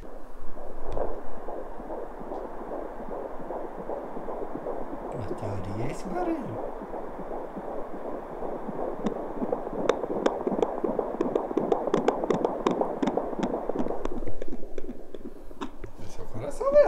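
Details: Fetal heartbeat heard at home with a repaired portable fetal Doppler bought online; the mother is 23. Fast, steady whooshing pulses at about 150–165 beats per minute.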